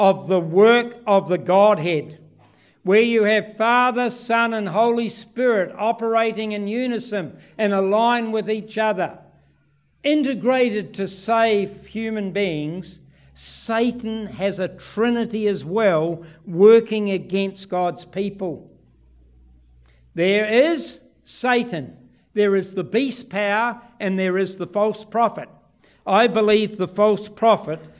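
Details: Adult man speaking; typical speech.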